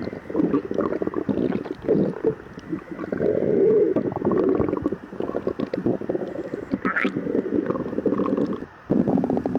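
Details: Person with severe lactose intolerance, fasted 12 hours, before and after drinking milk: continuous gurgling and rumbling from the belly with bubbly bursts; active bowel sounds, borborygmi.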